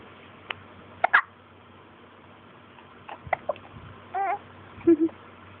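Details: Several brief, abrupt gulping sounds at uneven intervals over quiet room noise; hiccups.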